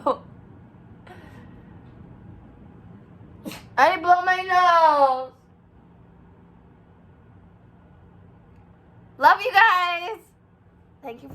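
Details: Person with bad allergies sneezing: two sneezes, each a sharp burst followed by a voiced, falling 'choo', separated by quiet room noise.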